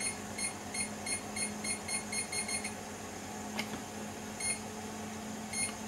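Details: Datex-Ohmeda Instrumentarium Capnomac anesthesia gas monitor (measures CO2 and anesthetic gas mixture) bought on eBay, demonstrated alarm: short rapid electronic beeps in bursts over a steady room hum; monitor alarm beeps.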